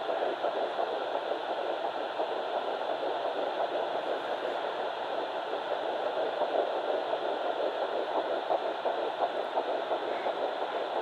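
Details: Home fetal Doppler at 9 weeks 6 days, Baby A found on mother's left side after days of searching: rapid, steady whooshing pulses about 170 a minute, fetal heartbeat in early pregnancy.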